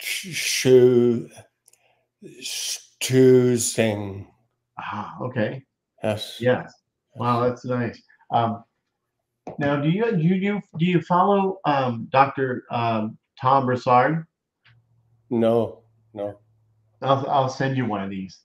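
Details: Man with aphasia reports he no longer gets frustrated when words don't come out; aphasia.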